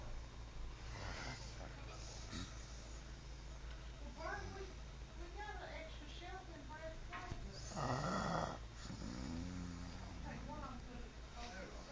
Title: My Mom Snoring